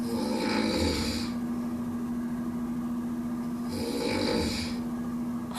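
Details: Loud, rattling snores about every three and a half seconds with quiet gaps, recorded in a sleep test with a body-worn device; the snoring came with breathing stops, indicating sleep apnea.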